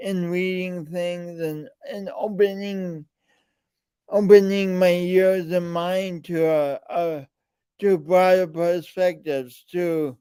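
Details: Man with a speech impediment present since birth and still ongoing, alongside lifelong coordination differences; speech impediment with disfluent speech.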